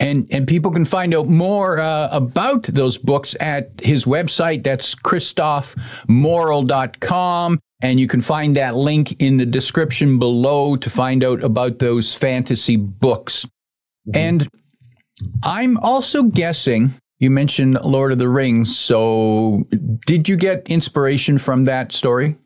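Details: Adult male speaker; Normal speech.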